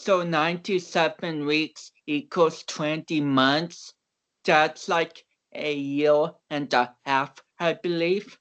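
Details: Mild dysarthria in a man of about 29 with cerebral palsy, an athlete and powerlifter whom doctors had not expected to walk or talk.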